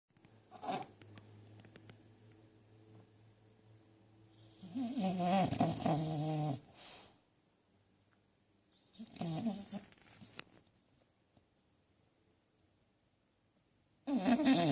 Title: Who snore? I snore? No Way )))))